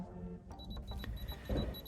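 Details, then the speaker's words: Digital thermometer beeping: repeated short high-pitched beeps signalling a raised temperature, a pharmacy-bought thermometer used before international travel; reading normal on retest, user had just drunk coffee. "things are not going well here constant beeping indicates a temperature"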